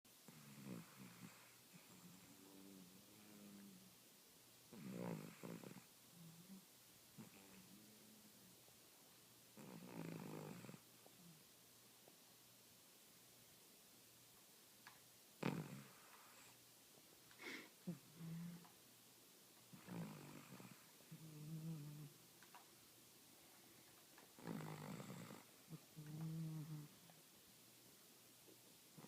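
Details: Cavalier King Charles Spaniel sleeping on the couch, snoring steadily at about 12 breaths a minute with rough, fluttering noise; snoring.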